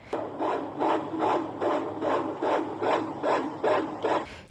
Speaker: बच्चे का heart rate आपकी गायनाकोलॉजिस्ट के पास मौजूद फीटल डॉपलर रेटसून की मशीन या सीटीजी के जरिए चेक किया जा सकता है चले अब एक खूबसूरत सी फीटल हार्ट सुनते